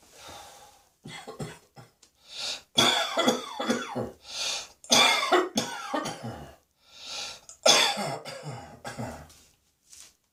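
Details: Adult coughing repeatedly in harsh, throaty bursts, with wheezy breaths drawn in between and some throat clearing, an irritative coughing fit blamed on cat hair.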